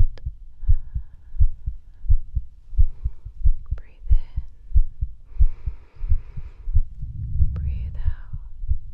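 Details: Real heartbeat heard through a stethoscope in a medical role-play: steady low normal heartbeat about 90 a minute, with soft breathing and faint whispering over it.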